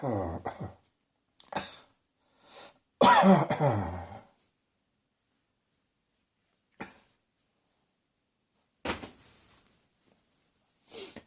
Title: Cross Dressing Coughing 88